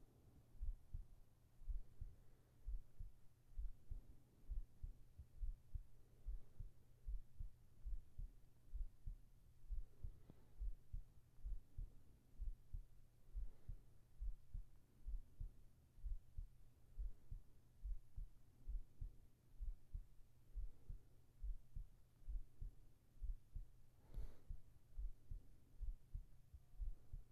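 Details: Steady, soft heartbeat at about 66 beats a minute over a low hum, with a whispered voice asking whether it is calming, in a sleep ASMR recording; a normal resting rhythm.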